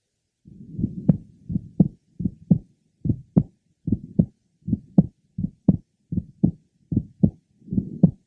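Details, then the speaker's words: Man with bicuspid aortic valve, asymptomatic, at third left sternal border: regular heartbeat near 75 a minute, aortic ejection sound not changing with respiration, and grade 3 soft blowing diastolic murmur of mild-to-moderate aortic regurgitation. "he has a mild to moderate degree of regurgitation of the aortic valve note the aortic ejection sound which does not change with respiration and his grade three aoic diastolic merma"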